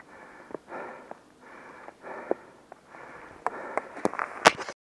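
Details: Hard breathing after exertion on the Blow Down run at Kicking Horse, with the person saying their feet hurt and they are tired: loud, repeated breaths with audible rushes of air, a few clicks and footsteps.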